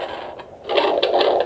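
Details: Fetal heartbeat picked up by Doppler in a woman with achondroplasia, first pregnancy, lying on the couch: rapid rhythmic whooshing pulses, normal and reassuring.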